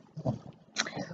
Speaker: if you hear something that sounds like snoring it's my buddy here